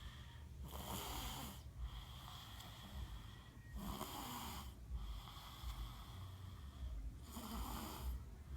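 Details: Soft repeated snoring breaths, roughly 19 per minute, over steady low room hum: little boss snoring.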